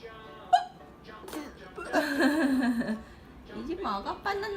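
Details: Hiccups at breakfast: a sharp, brief hiccup catch, then soft voices and light laughter. A single hiccup.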